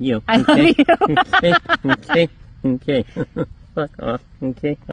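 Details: Man with Tourette syndrome, symptoms noticed since middle school but diagnosed at 26, with a repeated swearing vocal tic plus blinking, head shaking and neck tensing; vocal tics (Tourette syndrome).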